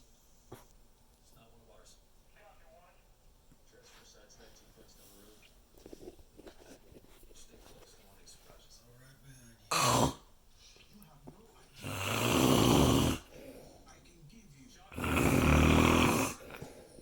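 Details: Snoring in a sleeping man: a quiet room, then after a pause two loud, rough snores a few seconds apart, just when he seemed to have stopped.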